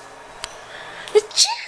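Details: Single sharp, explosive adult sneeze from a mother with a brief breathy tail in a quiet room, with a young child laughing at it afterward; ordinary sneezing.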